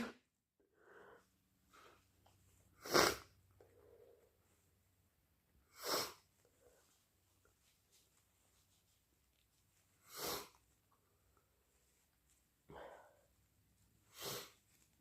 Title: Strong, loud induced sneezes plus blows